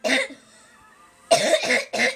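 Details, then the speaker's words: Sick young girl whose cough had been improving but is getting worse again: four harsh, strongly voiced coughs, one alone then a quick run of three, over faint room hum: cough, possible croup. "She's like knocked out coughing like that though. It was getting better, not no more."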